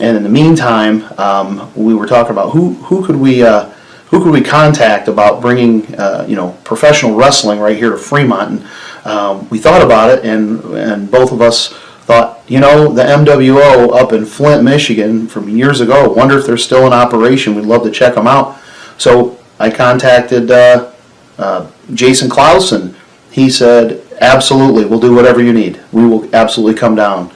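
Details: Adult male speaker; ordinary speech.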